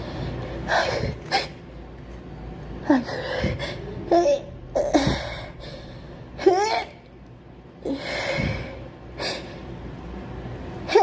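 Several gasping in-breaths and voiced sneezes, some drawn out, in a small room.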